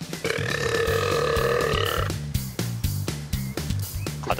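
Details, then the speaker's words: One long, loud, sustained burp of about two seconds from a man burping at animals, over background music. "the loudness of the burp is such that he could cause his own noise-induced hearing"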